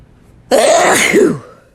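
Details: A single loud, wet, explosive sneeze from a male, about one second, voiced and followed by a short trailing exhale; sneezing.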